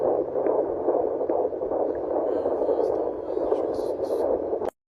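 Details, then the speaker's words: Soft, rapid whooshing fetal heartbeat of a baby girl at 15 weeks of pregnancy, heard on a fetal Doppler monitor, hard to find and partly buried in static. "Lindo o coração da minha bebé de 15 semanas com monitor fetal. É bem difícil achar, pois ainda é muito pequena. O melhor som do mundo."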